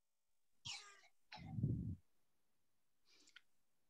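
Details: Barking cough of croup (acute laryngotracheobronchitis), played as a teaching example in a paediatrics lecture and likened to a duck-like sound.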